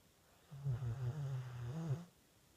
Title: Guinny snoring 3